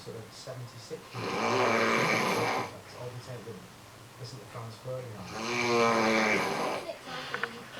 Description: This is my hubby snoring.. this is quite quiet for him..